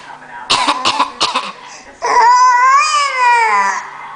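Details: 9-month-old infant gives three quick, light deliberate fake coughs followed by a high-pitched playful squeal; voluntary (fake) cough.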